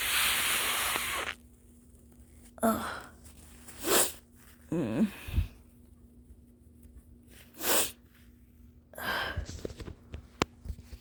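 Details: Early-morning nasal congestion blamed on the weather: several loud, forceful nose blows with squeaky, whistling tones, clearing a congested nose; nose-blowing with nasal congestion.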